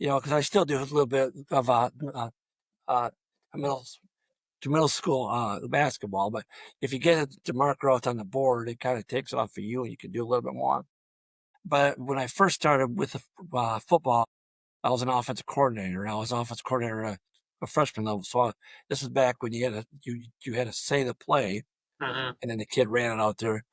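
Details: Adult male high school football coach with long-standing stuttering throughout a coaching career of over 34 years; stuttering.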